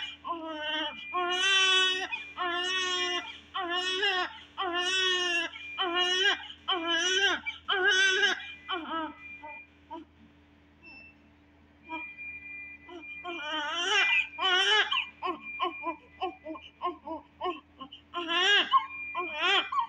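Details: A 3 kg full-term newborn baby girl in hospital cries in strong, rhythmic, clear, full-voiced bursts with a steady hum behind; a normal newborn cry.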